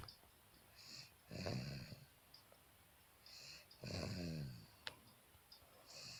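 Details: Slow, regular rasping breaths with a hissy release, about two breaths in six seconds, in a quiet room: snoring.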